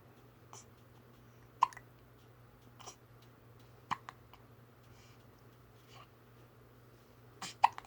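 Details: Baby girl with hiccups trying to cry: repeated short, sharp hiccups, about three louder ones in eight seconds, no sustained crying; infant hiccups.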